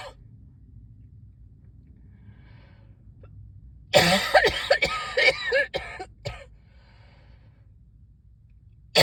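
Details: Adult with a cough attributed to the weather change, not otherwise sick; a brief run of several harsh coughs with quiet room noise before and after.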